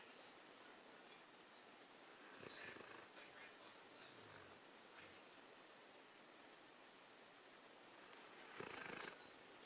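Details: Dog asleep on the owners' bed snoring: low, noisy breathing under steady room hiss with two louder rasping snore bursts about six seconds apart; snoring.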